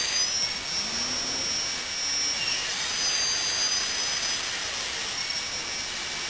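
High-pitched whining drill with shifting pitch over a steady hiss; a dental drill at work.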